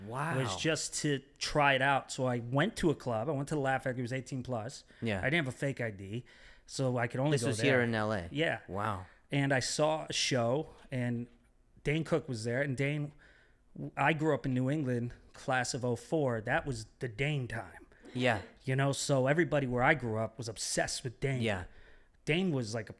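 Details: Adult male speaker in conversation; ordinary conversational speech.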